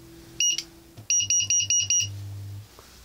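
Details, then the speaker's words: Rapid series of about six high-pitched electronic beeps from a syringe pump (Perfusor) alarm after a bolus in a demonstration, before the alarm is silenced for a minute. "Ja som to pustil inak by to dalo ďalej a alarmy vypneš týmto na minútu som stíšil alarm"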